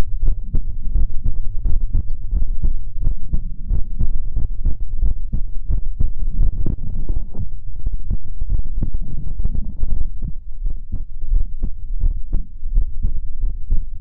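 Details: Heartbeat recorded up close to the microphone for ASMR: deep, muffled, steady thumps at roughly 100 beats a minute.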